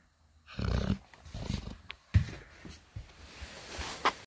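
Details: Sleeping Saint Bernard puppy snoring: deep, irregular rumbling breaths with snorting bursts.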